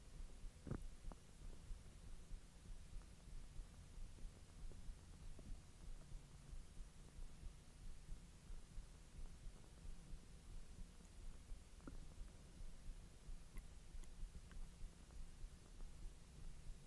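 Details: Bowel sounds after eating hotdogs following a 10-hour empty stomach: low rumbling and gurgling over a steady low hum, with a few brief squeaks, during digestion.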